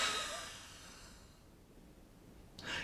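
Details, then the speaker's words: Respiratory therapist demonstrates a huff cough after a deep breath and hold, saying 'ha' without the T: a breathy open-mouthed exhalation that fades, then a breath in. This is a forced expiration technique for clearing phlegm. "and then on the way out I want you to try to say the word hot without the T so it's a ha sound so it sounds like this you breathe in you hold it and"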